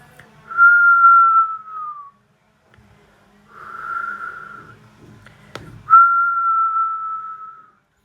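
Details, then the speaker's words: Wheeze, as in COPD or bronchitis airway obstruction, described as heard without a stethoscope: high, musical, flute-like whistling tones from narrowed airways. "আমি যদি হুইসটা একটু কীরকম একটু শোনাই, এটা হচ্ছে বাঁশির সুরের মতো।"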